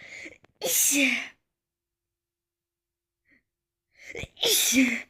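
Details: Two sharp sneezes, each a quick breath in then an explosive burst, separated by silence, in a person allergic to flowers; sneezing.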